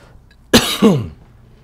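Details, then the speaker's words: Adult man whose voice is hoarse, which he blames on the weather change: a single sharp cough followed by a voiced, rasping throat clear; cough and throat clearing. "though again excuse my voice is not what I want it to be but what are you going to do this weather change doesn't help any"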